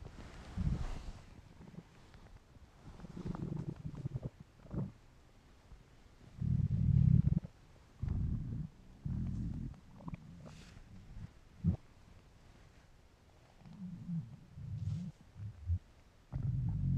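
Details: Deep, gurgling rumbles in irregular bursts with gaps of quiet from an adult male's hungry stomach: normal hunger borborygmi.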